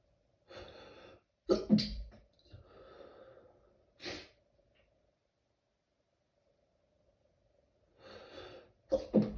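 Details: Stifled sneezing fit at work, in a bathroom: several short, muffled sneezes with quick breaths between them in a quiet room.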